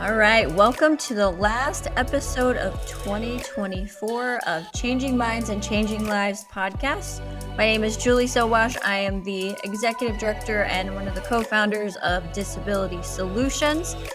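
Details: Adult woman speaking, with background music; ordinary speech.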